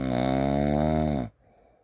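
A single loud, rattling, buzzy snore lasting just over a second, then quiet.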